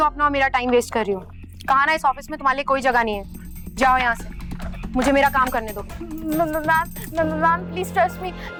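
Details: Acted stuttering (stammer) portrayed by a young woman character in a Hindi TV serial, with word repetitions.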